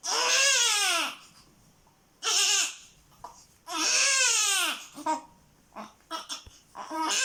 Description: sound of a young baby crying. Newborn baby crying sound effect. Baby cries (hd)